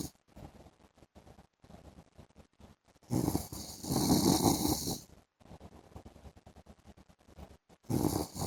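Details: Husband snoring during afternoon sleep: rough, fluttering snores with loud raspy surges between quieter rattling breaths, somewhat irregular; snoring.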